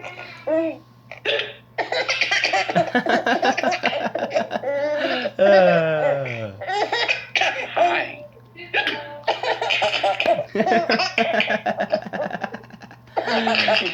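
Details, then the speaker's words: Baby boy laughing and giggling repeatedly at his father's hiccups, with brief sudden catch sounds among the laughs fitting his own hiccups, over a steady background hum. "You have the hiccups, huh? Gonna hear Daddy hiccup some more?"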